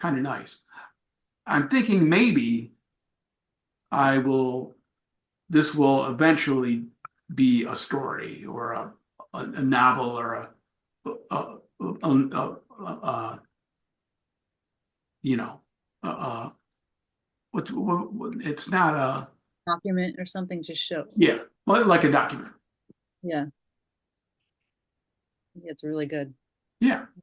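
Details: Aphasia with word-finding difficulty in an adult male, acquired after a traumatic brain injury from a bike accident without a helmet and a month-long coma, about four and a half years post injury.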